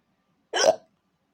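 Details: Hiccup: a single short, abrupt voiced hiccup with a sudden catch of breath, then silence.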